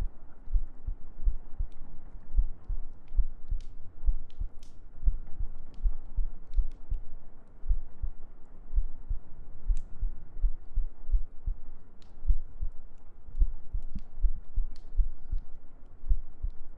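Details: ASMR sleep-aid heartbeat recording with gentle breathing and humming: steady low paired thumps about 70 beats a minute over soft hum, regular normal rhythm.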